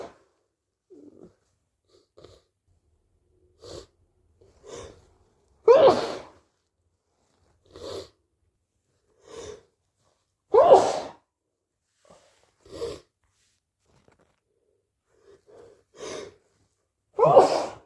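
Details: Sneezing with a cold: series of wet, forceful sneezes, some muffled, with softer nasal sounds and sniffs between them.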